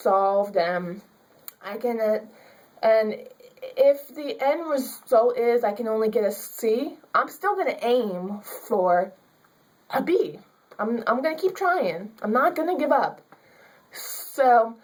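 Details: Young woman with stuttering, a student who stutters; she was told she could only get a C in her public speaking class because of her speech.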